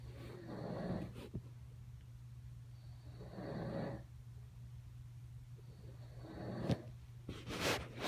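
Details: Father asleep with slow, rough snoring breaths and a steady low room hum; snoring during sleep.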